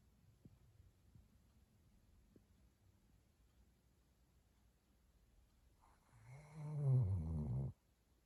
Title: Snoring in the new year! Happy New Year 2023!